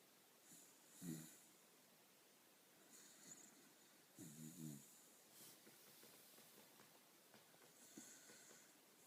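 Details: A sleeping Jack Russell terrier gives low, rattling, fluttery snores every few seconds, with soft breathing between them in a quiet room; ordinary snoring.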